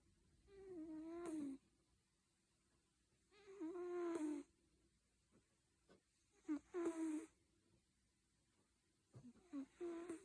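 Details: Cat snoring during sleep: soft, droning, slightly tonal snores with quiet pauses between breaths, about 20 a minute, in a quiet room.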